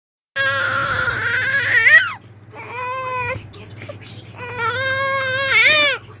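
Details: Infant granddaughter crying while looking for milk (susu): loud, rhythmic, strong crying in long bursts with brief pauses; a vigorous hunger cry.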